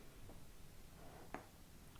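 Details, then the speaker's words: Hip mobility exercise, 90/90 internal hip rotation on the floor (left side tighter): a single sharp click, a brief audible hip pop during movement; joint crepitus ("snap crackles and pops"). "o do we hear that that little hip pop oh my goodness snap crackles and Pops"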